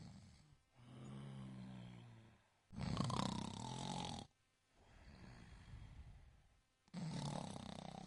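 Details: Tiny sleeping kitten snoring loudly, likened to a tractor: alternating low rumbling breaths, louder on one phase.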